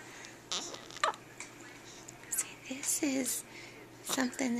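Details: Newborn baby girl a few hours old with her first hiccups, sounding like a little puppy: about seven abrupt, catchy bursts with short voiced squeaks, irregularly spaced, over quiet room noise.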